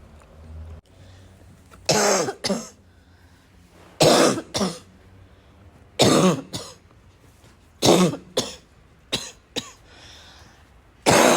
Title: omg I can’t stop coughing